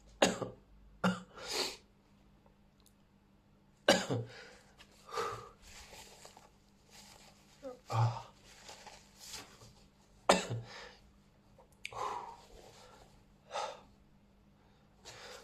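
A series of explosive sneeze bursts, some in quick pairs, with brief inhales between; repeated sneezing.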